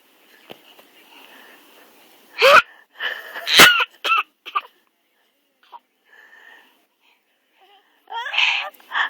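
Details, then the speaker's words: Child making herself sneeze on command: a few sharp, forced, voluntary sneeze bursts with short breaths between and laughter. "this is making herself sneeze do it again make yourself sneeze make yourself sneeze"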